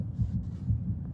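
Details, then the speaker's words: Soft, low, muffled thumps over a deep hum: a visitor's heartbeat detected at a distance by a sensor measuring slight skin colour changes, played aloud in an art installation; sonified heartbeat. "as this happens the light bulbs that are close to you start beating to your own heartbeat and then um gradually more and more of these uh light bulbs um become controlled by your heartbeat"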